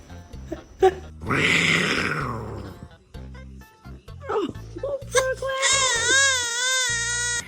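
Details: Scared baby crying: a brief infant wailing cry mixed with background music and adult voices.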